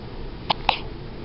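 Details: A three-day-old newborn boy, who has frequent hiccuping fits and also hiccuped in utero for months, gives two short, abrupt hiccups in a quiet room: hiccups.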